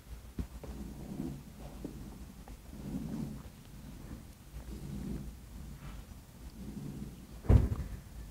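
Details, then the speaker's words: Normal healthy breath sounds heard through a stethoscope, soft and even rushing with no wheeze or crackles, played as a lecture demonstration; normal breath sounds. "this is a healthy breathing sound that the doctors hope she will hear"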